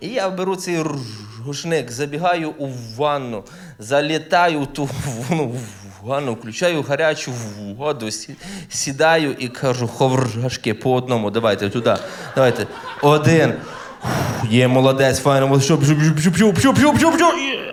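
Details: Stuttering in an adult male stand-up comedian who says he stutters and that some letters will disappear from his words; real, not acted.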